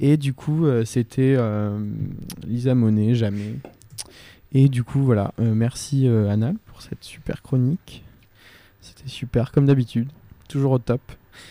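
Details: Adult male speaker; ordinary speech.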